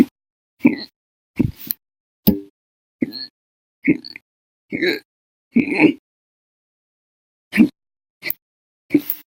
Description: The Violent, Bad Loud, Silent, Minute, Second Hiccups lasted 13 Hours and 34 Minutes on 10/1/19.